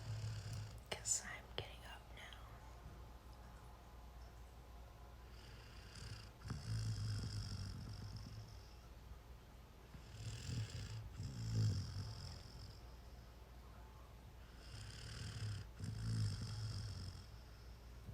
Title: Golden doodle puppy snoring